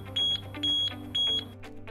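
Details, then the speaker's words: ZOLL Z Vent portable critical care ventilator high-priority alarm, demonstration: mechanical ventilation no longer possible, manual ventilation needed; LED array rapidly flashing red with fast high-pitched beeping bursts over low hum; cannot be muted. "the led array will rapidly flash red accompanied by a fast audible tone"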